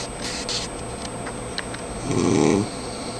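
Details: Adult man (speaker's father) snoring in sleep: low, rumbling vibration during a breath in a quiet room.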